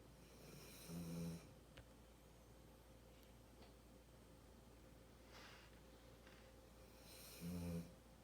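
Two low, rumbling snores about six seconds apart over steady room hum; ordinary dog snoring during sleep.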